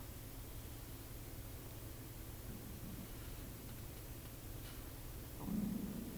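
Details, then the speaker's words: Steady low room hum during a live-streamed woodblock printmaking session, then a brief low gurgling rumble near the end: the speaker's own stomach rumbling (borborygmi) before lunchtime. "But that last noise was my stomach rumbling."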